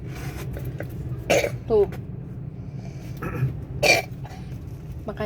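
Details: Toddler coughs right after eating McFlurry ice cream: two short, sharp coughs with a brief voiced sound between, over steady car engine hum; cough.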